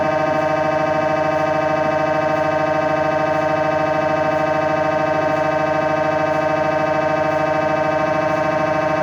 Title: MRI Sound Live Recording from Inside MRI Room During Scanning | #insideMRIroom #MRISoundlive #mri